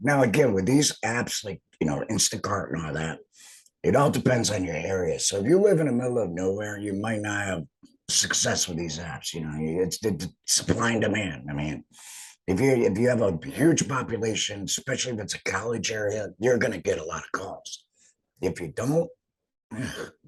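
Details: Adult man after laryngectomy, speaking; alaryngeal speech after total laryngectomy.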